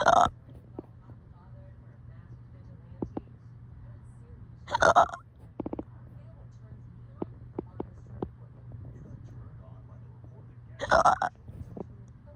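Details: Hiccups: three loud, abrupt hiccups with a burp-like quality, about ten a minute, separated by quiet room noise.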